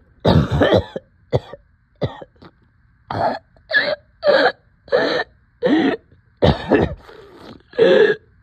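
About a dozen short harsh coughs in quick succession with brief pauses between; repeated coughing with shortness of breath.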